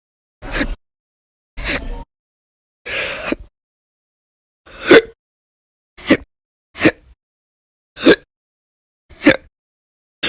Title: 2/1/20 to 2/29/20, Violent, Bad Loud, Silent, Minute, Second Hiccups Audio Only